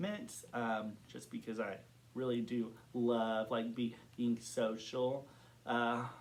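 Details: Adult man who has stuttered since kindergarten, reporting blocks and varying severity. Stuttering.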